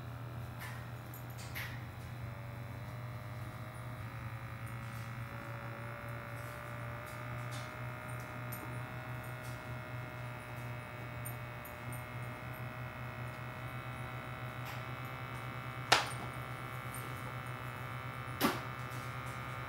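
Steady low motor hum of an automatic blood pressure cuff pumping up, with a rising pump tone and a couple of clicks.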